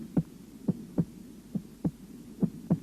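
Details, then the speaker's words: Heart auscultation demonstration of normal first and second heart sounds; at the base the second (diastolic) tone, from aortic and pulmonary semilunar valve closure, is normally louder than the first. "в норме у основания сердца второй тон громче первого второй диастолический тон возникает в результате захлопывания и колебаний полулунных клапанов аорты и лёгочной артерии"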